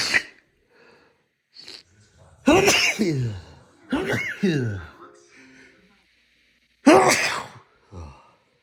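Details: Sneezing during a cold, compilation: a series of sharp sneezes, some with a voiced cry-like tail.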